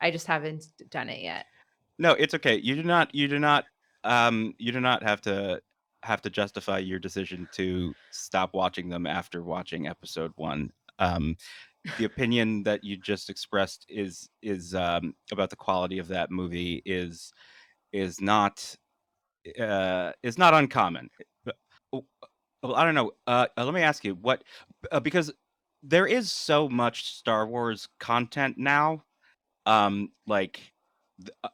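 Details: Adult man with lifelong stuttering, speaking naturally in conversation, with part-word repetitions and fillers; stuttering.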